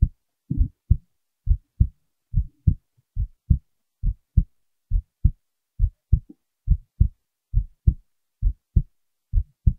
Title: heartbeat recording